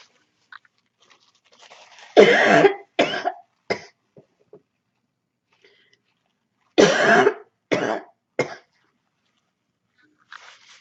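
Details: Barking cough during a cold: two bouts of three loud, harsh coughs each with a barking quality.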